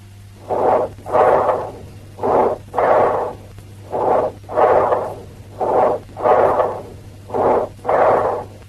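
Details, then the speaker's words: Bronchial breath sounds: loud, harsh, hollow breathing with a pause between a short inspiration and a longer expiration. "bronchial breath sounds. Tubular bronchial breath sounds. Amphoric bronchial breath sounds."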